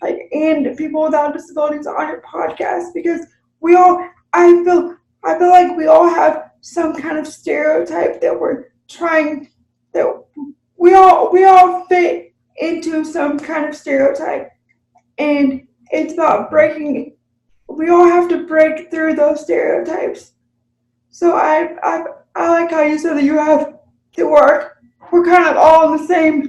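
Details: Adult woman with cerebral palsy, real unscripted podcast conversation about living with CP; finding: dysarthria (cerebral palsy).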